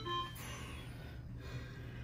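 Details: Mindray SV600 ventilator demonstration: a brief electronic alarm tone over steady machine hum, the ventilator's low minute volume alarm.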